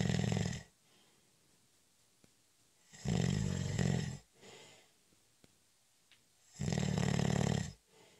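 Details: Person taking a short, light nap: loud, rough, low rattling snores on each in-breath, quieter out-breaths, about 18 breaths a minute in a quiet room; snoring.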